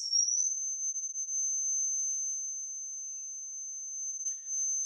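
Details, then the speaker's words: Steady, very high-pitched pure tone in an acoustics lesson testing listeners' hearing range and hearing loss. "Estão escutando? Agradável o som, né? Isso aqui, pessoal, é 5.000 Hz."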